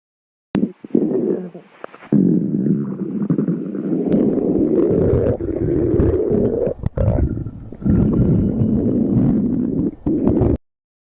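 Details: Long, loud, low gurgling and rumbling from the abdomen with a few pauses, in a 10-minute stomach growling compilation; borborygmi.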